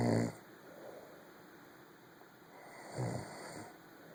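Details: Two low, rumbling snores about three seconds apart in a quiet room late at night.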